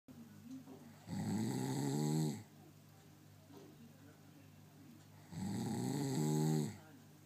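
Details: Two loud, rattling snores about four seconds apart, each over a second long, with quiet breathing and a steady low hum between; snoring.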